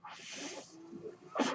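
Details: Mechanical ventilator breath cycle from a ventilator-dependent podcast host while speaking: a soft rushing hiss of airflow, a brief low hum, then another burst of air.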